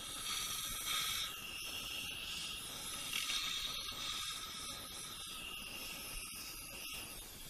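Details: High-pitched hissing and irregular mechanical clicking of surgical instruments during a direct sinus lift with simultaneous dental implant placement.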